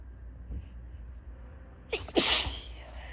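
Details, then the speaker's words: On a heavy allergy day, after tickly buildups: a quiet breathy build-up, a quick inhaled catch, then one loud explosive sneeze with a trailing exhale. "I do have more. Hold on, I'm gonna sit up."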